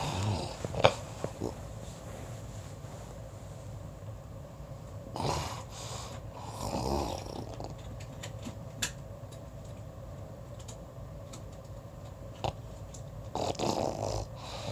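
Low rumbling, snorting breath sounds recur a few times over steady room hiss, consistent with snoring.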